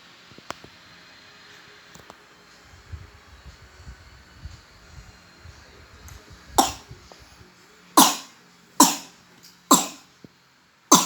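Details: Toddler coughing until vomiting, kept up at night: after quiet breathing and rustling, five loud, harsh coughs in quick succession.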